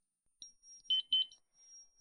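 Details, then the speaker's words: Manual defibrillator (Zoll) in a training class, defibrillation mode set to 150 J: a high steady charging tone turns into louder beeping, signalling it is charged and dangerous, ready to shock. "Ми чуємо звуковий сигнал який змінився на більш гучний який вказує на те що зараз дефібрилятор є небезпечний і заряжений"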